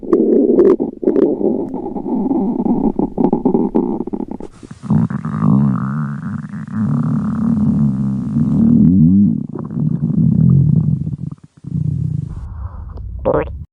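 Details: Red panda at feeding time: long, loud, low gurgling and rumbling with a warbling, wavering pitch lasting several seconds; stomach growling (borborygmi), a normal gut sound.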